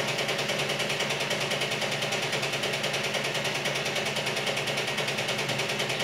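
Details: Steady, fast mechanical whirr pulsing about twice a second: tumescent infusion pump building a water sheath around the cannulated saphenous vein during EVLT laser treatment of varicose veins, with the patient in reverse Trendelenburg.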